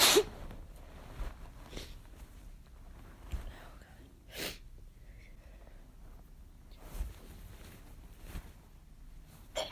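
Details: Several forceful, explosive sneezes with a hissing release, spaced a few seconds apart, brought on by chhinkni; repeated strong sneezing.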